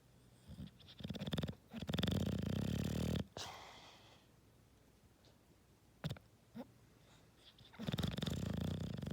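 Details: Bulldog snoring while dreaming: loud, rough snoring breaths with snorting, separated by quieter pauses and small snuffles; typical flat-faced dog snoring.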